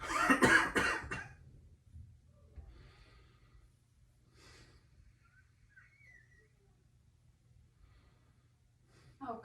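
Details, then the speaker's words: Short burst of several loud coughs, then quiet room sounds and faint breathing, from an adult male smoker born 1980 coughing on deep breaths during lung auscultation in a nursing physical assessment; some wheezing noted. "all right your lungs sound okay a little wheezing in some areas and i noticed you were coughing when you took a deep breath"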